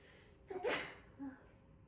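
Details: A single sharp sneeze during an ASMR nose-cleaning session, with a brief intake before it and a softer trailing breath after, over quiet room noise.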